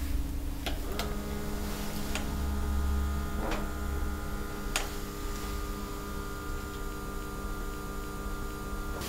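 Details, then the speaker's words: NHS Health Check demonstration with a seated, relaxed adult, legs uncrossed and sleeve rolled up: steady motor hum with faint clicks as an automatic blood pressure cuff inflates and releases for the first of two readings. "while the blood pressure cuff is inflating okay prattle we've got one reading there"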